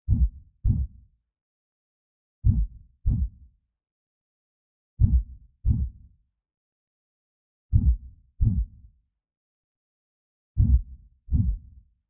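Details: Simulated creepy heartbeat sound effect: slow paired lub-dub thumps, five beats over twelve seconds, about 25 a minute; not a real recording.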